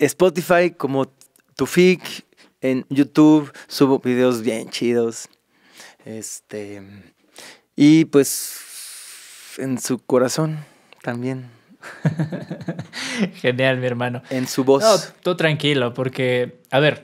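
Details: Mexican male singer who has stuttered since early childhood and says he does not stutter when singing; finding: stuttering.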